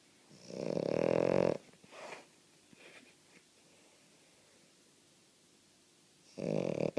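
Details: Female French Bulldog snoring heavily while said to be not even asleep: loud, harsh rattling snores about five seconds apart with quiet breathing between.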